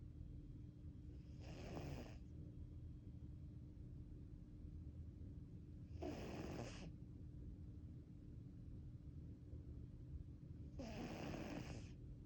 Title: When all else fails take a nap and snore #cat #fostercat #snoringcat